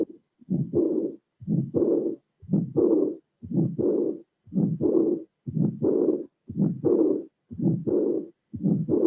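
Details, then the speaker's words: Regular heart cycles near 59 a minute: first and second sounds, a systolic ejection murmur and a high-pitched early diastolic murmur not covering all of diastole, aortic regurgitation. "see that we have a first sound a second sound an ejection murmur in the diastolic murmur that does not cover all diastole so we have systolic and diastolic and this is a a sculpted funding of heart regurgitation"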